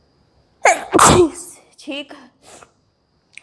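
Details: Adult woman doing a sneezing challenge, apparently involving red chili: a sharp sudden sneeze with a loud burst of air, then brief voiced sounds; a real, forceful sneeze.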